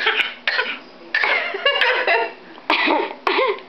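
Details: A young girl, eating cereal, gives a run of about seven short, voiced, deliberate fake coughs to get attention instead of crying: a harmless voluntary put-on cough.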